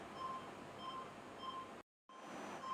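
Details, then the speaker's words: ICU patient monitor with pulse-oximeter probe on a finger displaying pulse rate and oxygen saturation: short steady electronic beeps about every 0.6 seconds, roughly 100 a minute, over room hum. "फिर जो है आप screen पर देखिए यहां पर आपको patient का पल्स रेट और सैचुरेशन आपको दिखेगा।"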